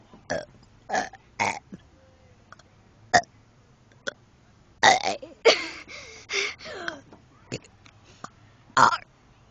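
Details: A girl deliberately burps the alphabet: a run of loud burps, some drawn out and shaped like spoken letters; voluntary belching done as a stunt.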